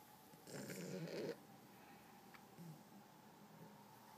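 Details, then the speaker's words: A single rough, fluttering breath noise over steady room hum from a sleeping, dreaming female dachshund; snoring. "She's snoring and dreaming."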